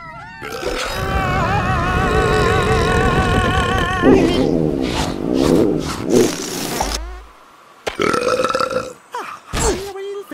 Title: El Stomacho Stomach Growl & Burp Edit (Late Cinco de Mayo Special)